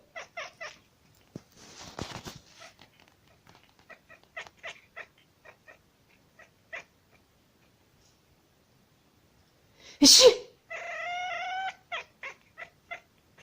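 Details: A loud, sharp adult sneeze from the owner, answered by a kitten's chirps and a drawn-out meow.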